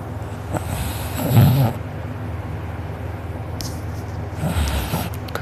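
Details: Snoring from a sleeper who was out cold, recorded by a family member; mouth open and drooling, with a sore uvula and soft palate afterward. Loud, rough snoring noise against a steady low hum.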